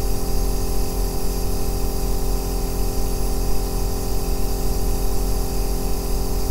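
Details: Aerosol nebulizer running, recorded as deep-bass white noise for sleep and relaxation: a continuous low droning hum with a steady buzz.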